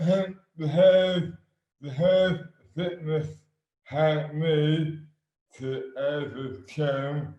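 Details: Adult man with dystonia, sudden overnight onset in 2008 (about 12 years before this 2020 recording) with no known cause, speech dramatically impaired and hands also affected; dysarthria due to oromandibular dystonia.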